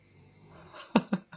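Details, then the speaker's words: Snoring from a dog sleeping beside the speaker, heard in the background; snoring. "petite parenthèse si vous entendez ronfler euh ne vous inquiétez pas c'est normal c'est mon chien qui dort à côté voilà je sais pas si vous l'entendez"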